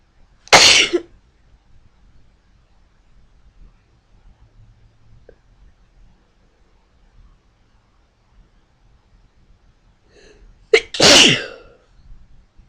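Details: A few more sneezes: two sharp, explosive sneezes, one at the start and one near the end, with a quiet room between them.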